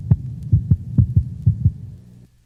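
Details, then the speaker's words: Normal dog standing on four legs, recorded over the mitral valve region near the left fifth intercostal space at the sternal border: crisp paired lub-dub beats near 125/min, first heart sound lower in frequency than the second; normal heart sounds. "note the lower frequency of the first heart sound as compared with the second heart sound"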